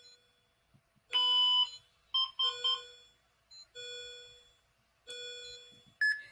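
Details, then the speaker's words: Simulated ACLS training on manual monitor-defibrillator with pads on chest: several electronic beeps and tones as transcutaneous pacemaker is switched on, rate set at 70; transcutaneous pacemaker activation tones. "you want to go ahead and put that on the patient's chest and we're going to turn on our pacemaker"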